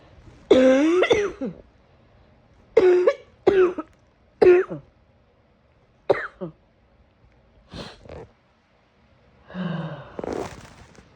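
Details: Repeated harsh, forceful cough bursts in a quiet room, some with a strained, whooping-like voiced catch; a severe cough.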